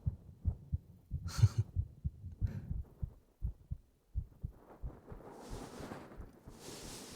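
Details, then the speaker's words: Simulated roleplay heartbeat recorded with a 3Dio binaural ear microphone (left-channel version), as if listening with the head on a man's chest. Low, muffled, ordinary heartbeat thumps with rustling and breath noise near the end. "そんなにくっついて何してるんですか？ん心音聞いてるって楽しいのそれ？へえ、落ち着くんだ。"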